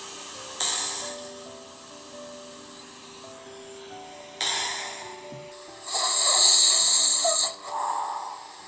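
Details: Sleep recording of a snorer before wearing an oral mandibular-advancement and tongue-support anti-snoring device. Several harsh, noisy snoring bursts, partly masked by steady background music: snoring.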